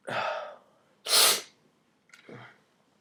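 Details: Single ordinary sneeze from a person who says they feel tired and somewhat sick, in a cold unheated apartment: a gasping intake, a sharp explosive sneeze, then a softer breath or sniff.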